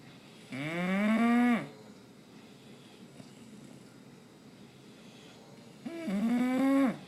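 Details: Snoring from Pumpkin, a bulldog sleeping during Fourth of July fireworks: two long, loud, tonal snoring breaths about five seconds apart, with a rising, moan-like pitch.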